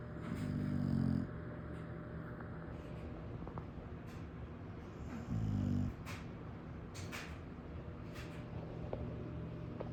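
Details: Sleeping pit bull dog: two low, buzzing, rumbling snoring breath noises a few seconds apart over quiet room hum.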